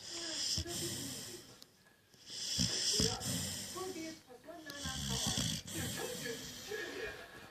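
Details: Sleeping pit bull dog: rough, snorting breaths with rattly, whistling edges in bursts and a quiet pause between; loud snoring.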